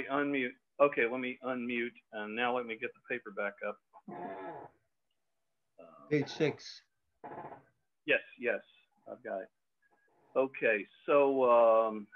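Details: Adult male speaker; Normal speech.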